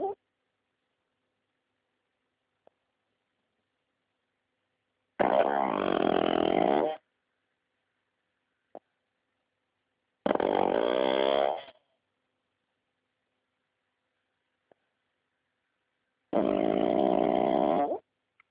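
Loud rattling snores of about two seconds each, roughly every five to six seconds, with silence between: snoring in a flat-faced dog.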